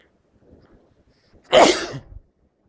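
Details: Soft breathing, then one sharp, explosive sneeze at the end of a fit of intense, unstifled sneezes during a suspected bad cold.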